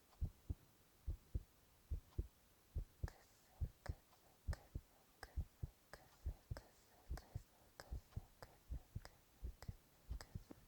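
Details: Adult male's own heart recorded for ASMR, with whispered onomatopoeia: normal heart sounds.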